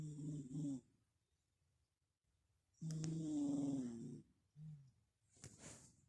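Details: Sleeping dog snoring: nasal, whistling snore breaths with pauses, lower-pitched than his usual high-pitched snore; owner suspects a blocked nose.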